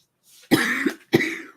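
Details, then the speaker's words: Adult with a cough attributed to allergies, speaking during a live stream: two short, dry cough bursts with a faint breath before the first. "as you can hear I have a bit of a cough and it's allergies guys"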